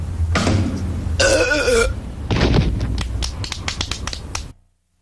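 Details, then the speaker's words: Cartoon burp contest, simulated: long, loud, deep croaking belches from a cartoon character, each under a second, over a noisy soundtrack; deliberate burping. "watch this the burp champion of the world burp i mean bart are you burping again maybe what is it with this burping"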